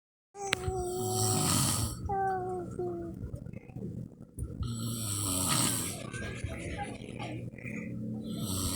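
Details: Father sleeping while a young child asks for more milk nearby: loud, rough, rattling snores, with the child's voice and squeaky sounds; snoring.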